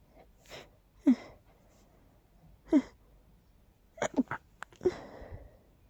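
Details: Run of about five quiet, stifled sneezes with short breaths between them; repeated sneezing from pollen allergy (allergic rhinitis), with a nose that is tickly and stuffy all the time.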